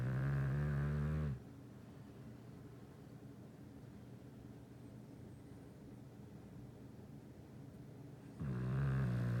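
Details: Snoring in a dog: deep, low rumbling snores at the start and end, with about seven seconds of quiet breathing between them.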